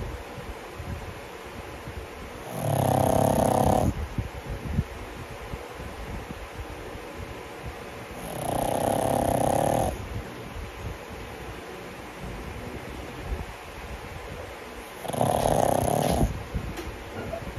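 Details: Three loud, rasping snores about six seconds apart, with quiet breathing between, from a sleeping 10-month-old pug: snoring.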